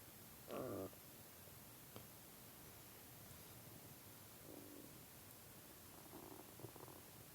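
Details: Hungry person's stomach growling: a short gurgling rumble, then softer bubbling growls of hunger-related borborygmi.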